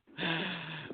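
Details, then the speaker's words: Adult sneezing loudly during a recorded show: a brief intake, then one forceful, strongly voiced sneeze burst. "that was a sneeze man you can actually hear me sneezing from one in the store to the other and I work in a very large store"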